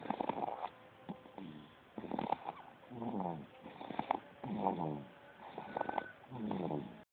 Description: 2 months old and snoring